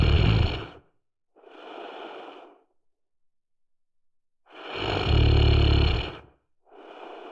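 Loud, low rumbling snores on the in-breath, each followed by a softer out-breath, in a slow repeating cycle: snoring.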